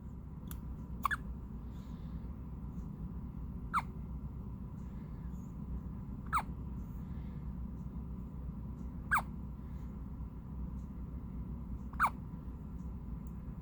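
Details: Newborn baby: five short, sharp, squeaky hiccups about every 3 seconds over a steady background hum; newborn hiccups.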